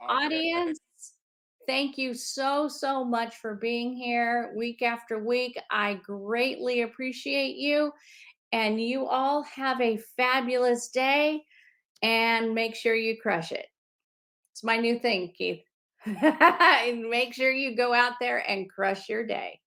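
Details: Adult woman speaking; normal speech.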